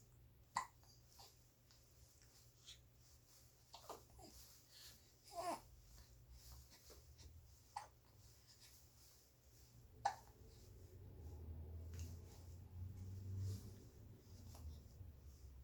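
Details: 67-day-old happy infant: sharp, brief hiccups about every two to three seconds, with soft coos and low room hum; ordinary infant hiccups.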